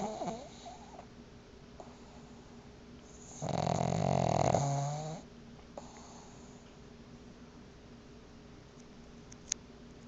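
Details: Soft snoring from Tila, a sleeper caught on shaky video during sleep believed to be REM: a single soft, rattling snore in a quiet room with faint breathing sounds.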